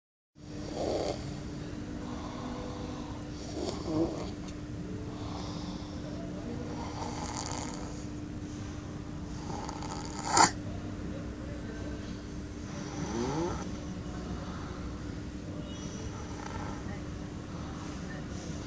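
Soft, breathy snoring sounds at irregular intervals over a constant electrical hum, with one sharp click partway through.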